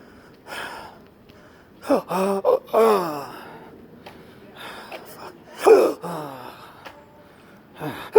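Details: Persistent intractable hiccups since 2015 with breathing and choking spasms, cause undiagnosed; episode March 24, ongoing since early morning, recorded while walking to the car: sudden sharp gasping breaths with hiccup-like catches, several within seconds.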